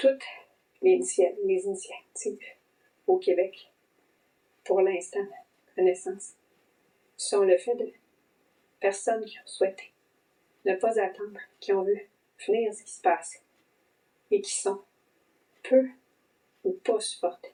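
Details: Adult female family physician with long COVID for about 10 months since a December 2020 infection, with vocal cord sequelae heard as intermittent blocking, plus breathing symptoms, brain fog and dysautonomia; dysphonia.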